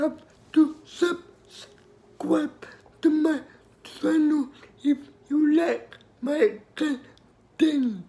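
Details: Adult speaker; dysarthria (cerebral palsy).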